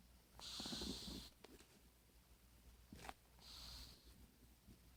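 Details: Two breathy, whistling snore breaths with soft fluttering sounds in between, from a sleeping pet cat in a quiet room.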